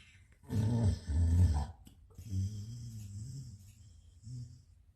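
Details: Dog making deep, rumbling, low-pitched breathing noises with a grunting quality; loud snoring.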